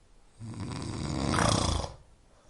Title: 코고는소리, 수면에 도움을 주는 소리, snoring sound.